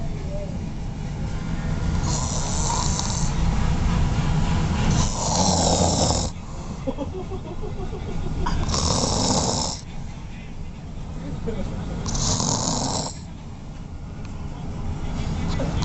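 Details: Person sleeping exhausted after spring break, loud rasping snores on every breath, about four breaths a minute, over steady low background rumble; snoring.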